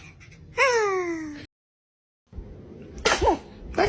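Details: Baby sneezing.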